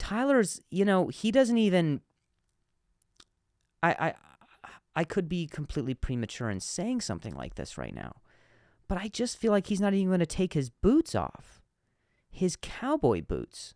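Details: Adult male comedian who stutters, noting some words are hard for him to say, speaking naturally on his own podcast; stuttering.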